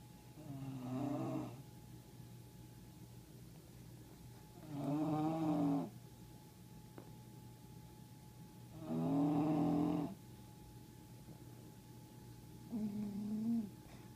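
A sleeping bulldog snores rhythmically, four loud rattling snores at about 15 breaths a minute, with faint room hum.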